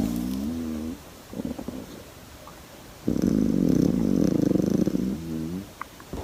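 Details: Rescued koala snoring: deep, rumbling, pulsing snore-like grunts alternating with short rising drones, the koala's loud snoring bellow.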